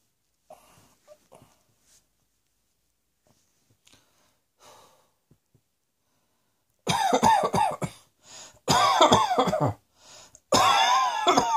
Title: Cross Dressing Coughing 75